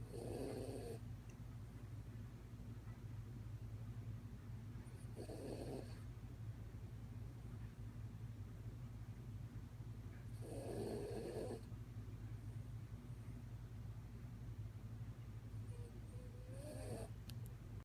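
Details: Sleeping dog snoring: soft snorting snores every five to six seconds over a steady low hum.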